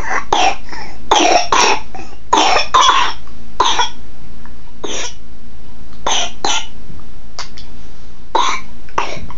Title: Bronchiolitis Cough, 3 5 months old 360p